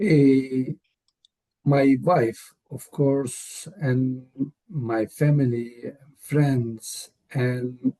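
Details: Real adult male with aphasia, cause not stated; aphasia.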